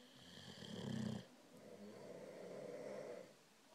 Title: Dueling snores